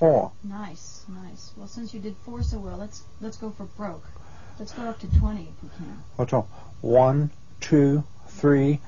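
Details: Adult speaker (therapist prompting counting); normal fluent speech.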